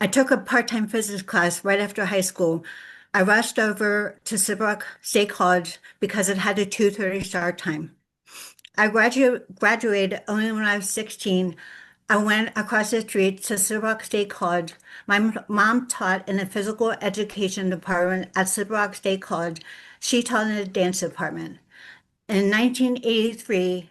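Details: Adult woman with lifelong aphasia after a severe stroke in 2012, with difficulty putting words together; aphasia.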